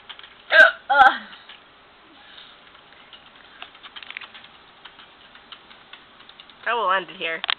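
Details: A person's hiccups, filmed because they sounded funny: two sharp, abrupt hiccups close together, then quiet tapping and a short voiced sound.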